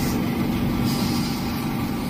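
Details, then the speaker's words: Ear suction machine running with a loud steady rushing, hissing hum as an ENT specialist clears earwax from a boy's blocked ear after a week of softening drops; the boy had reduced hearing. "দিছেন এটা suction machine আমরা suction দিয়ে নিয়ে আসব মাথাটা ধরে মাথাটা মাথার কপালটা ধরেন ও ভালো ছেলে নরবানা তাইলে আমরা সাকশন নিলে সাকশনের সাথে ময়লাটা এসে যাবে"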